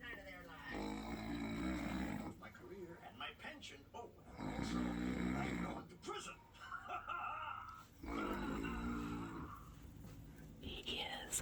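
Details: Son who denies snoring, recorded asleep: loud rough snores on each breath in, about three in 11 seconds, with quieter noisy breathing between; ordinary snoring.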